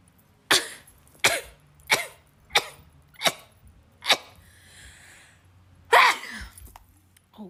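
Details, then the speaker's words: A run of about seven rapid, short, sharp sneezes, roughly one every 0.7 seconds with brief breaths between. "moving things around makes me sneeze all the dust that's up in this laundry room is making me sneeze"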